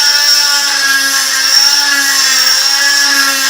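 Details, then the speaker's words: Stryker oscillating cast saw cutting a hardened cast off a dog's leg in a veterinary teaching demonstration: steady high-pitched whine as the blade oscillates rather than rotates. "it's pretty hard to cut the animal with this saw because again it doesn't rotate it just oscillates"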